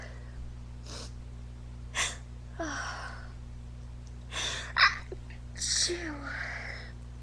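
A run of about four sharp, breathy sneezes with quick in-breaths between, a sneezing fit.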